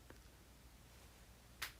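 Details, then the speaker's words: A person's knees cracking repeatedly in a quiet room: a single sharp crack after a faint earlier click, consistent with knee crepitus (joint cracking). "무릎에서 소리 계속 나요. Can you hear my knees cracking?"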